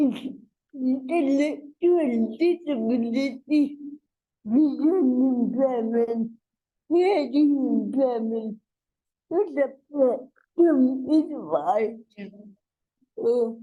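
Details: Adult woman with cerebral palsy, a real speaker in a conversational interview; dysarthria (cerebral palsy).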